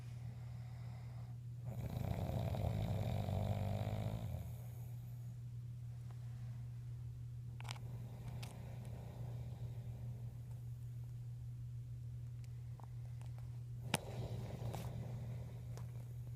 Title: My dads loud snoring part 2